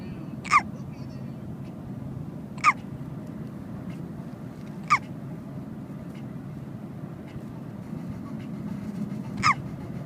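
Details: A young girl in a car gives four sharp, brief voiced hiccups at irregular intervals over steady low engine rumble: a bout of hiccups.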